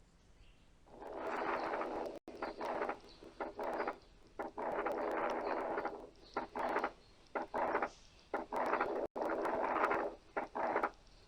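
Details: Wide fixed splitting of S2, first heard with loud inspiratory breath sounds: S2 split equally in inspiration and expiration; paediatric cardiology teaching example.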